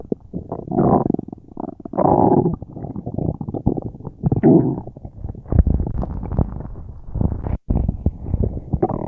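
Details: Person with a tummy ache, since resolved: loud, continuous low gurgling and growling from the belly with bubbling surges; prominent bowel sounds, borborygmi.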